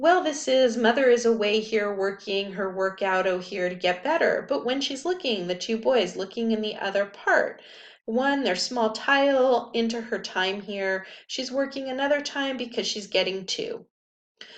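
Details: A lecturer reads aloud a quoted example of Wernicke's (fluent) aphasia, caused by damage to Wernicke's area in the left temporal cortex: fluent, rapid, grammatical speech with normal pauses that makes no sense.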